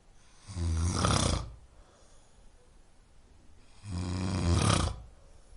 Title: 코고는소리, 수면에 도움을 주는 소리, snoring sound.